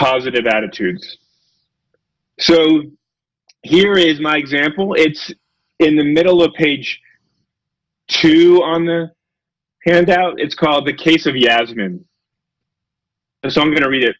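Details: Adult male lecturer who says he has a speech impediment, stutters and gets stuck on his words, giving a talk; stuttering.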